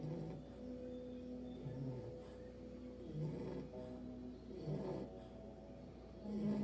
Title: English bulldog puppy snoring 😴